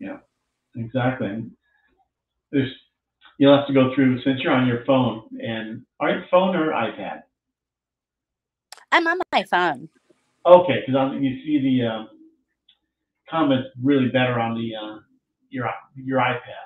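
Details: Adult speech, small room; conversational speech.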